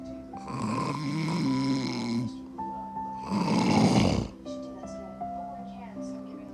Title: PROOF My Hubby 😴 SNORES!